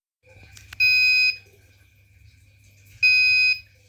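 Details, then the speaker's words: Arduino-based IV infusion alarm, fluid nearly empty but above 100: yellow LED on and intermittent beeping buzzer, a low-fluid warning. "D kuning menyala dan tulisan hampir habis, bibnya berjeda. Ini bertahan sampai nanti di angka 100."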